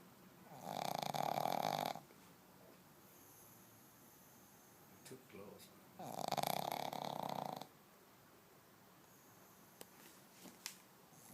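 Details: Overweight pug snoring while asleep: two loud, drawn-out snoring breaths several seconds apart, with quiet room sound between.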